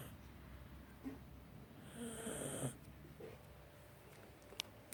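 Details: Cats snoring: a short, soft, whistling snore with faint snuffles over steady background noise.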